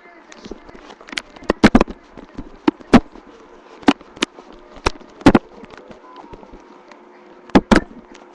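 Irregular bubbly pops and clicks over a quiet rumble, consistent with stomach growling from gas and fluid moving.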